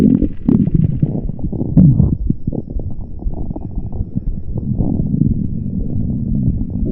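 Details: Continuous low rumbling and gurgling stomach growls throughout, recorded as vore audio. Borborygmi.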